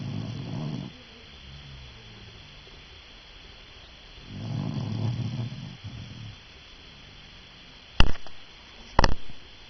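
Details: Sleeping dog snoring: soft, low rumbling snores on slow breaths, followed by two sharp knocks.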